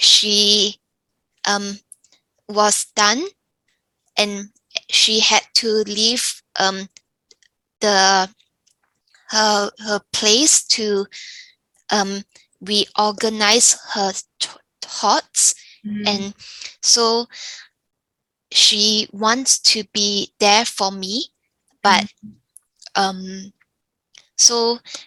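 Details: Younger adult woman with aphasia after a stroke, still unable to make phone calls; aphasia.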